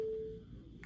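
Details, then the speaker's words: LifeVest wearable defibrillator alert during daily swap, vibrating and prompting the wearer to press the response buttons; a single clear gong tone that fades away. "So every day when you swap it out, it's going to vibrate gong and you push the buttons."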